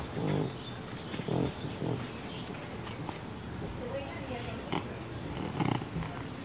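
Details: Awake deaf cat with neurological and breathing problems snorts like a pig: stertorous snorting while awake.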